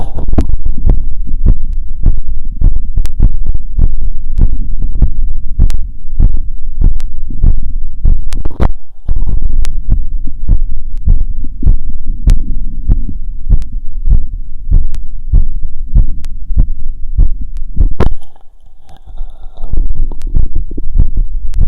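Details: Heart auscultation with a wired cardio phonendoscope after a 2 km run, at about 150 bpm: fast, regular heartbeat with crisp low thumps and no murmur, consistent with sinus tachycardia after exercise.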